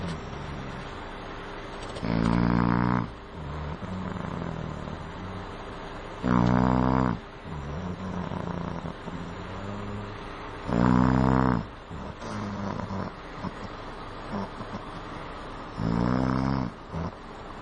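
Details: Person asleep on a metro train, snoring: loud, rough snores roughly every four to five seconds, about 13 a minute, over steady train rumble.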